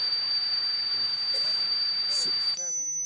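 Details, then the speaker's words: Educational simulation of tinnitus: a steady, piercing high-pitched ringing tone over hiss, stepping up in pitch near the end. "Tinnitus isn't always ringing. And we're going to show you what one of the sounds that typically you may hear with tinnitus sounds something like this. You may want to hold your ears."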